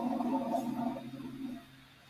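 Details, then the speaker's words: Rhonchi among lung sounds: snore-like sounds occurring when air is obstructed or becomes rough through the large airways. "en los sonidos pulmonares podemos encontrar el sonido que se llama roncus este tipo de ruidos parecen ronquidos y ocurren cuando el aire queda obstruido"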